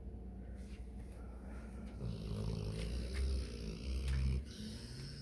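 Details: Female ('sweet girl') snoring while asleep.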